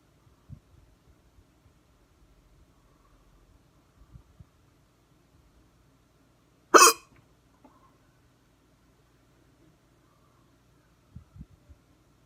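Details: Hard hiccups, recorded with the camera focused on the neck: a single loud, abrupt hiccup against near silence, with faint movement noises before and after.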